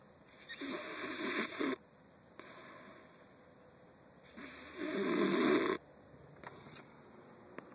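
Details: Person asleep in a quiet room; two long, rough, fluttering snores a few seconds apart, about 16 breaths a minute; typical snoring.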